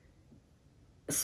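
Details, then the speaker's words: Coughing from an adult with systemic scleroderma and Raynaud's, whose lungs have developed fibrosis with scarring of the alveoli; coughs a lot. "in my case it's mostly my lungs which you can hear I cough a lot and this is due to uh over the time my lungs developed there was a fibrosis right of the lungs"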